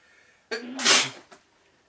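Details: Single sneeze from a person with some nose itchiness and no blocked nose: brief voiced intake, then a loud explosive hissing burst that fades away; sneeze.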